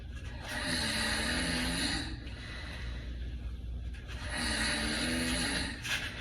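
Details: Two long, loud rattling snores from a sleeping male, with a buzzing, whistling edge, separated by a quieter out-breath; heavy snoring.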